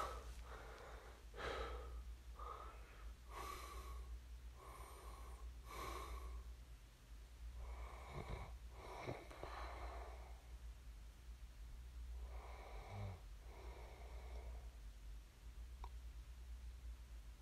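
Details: Repeated noisy breathing with a rough, wheezy edge over a steady low room hum during sleep; snoring.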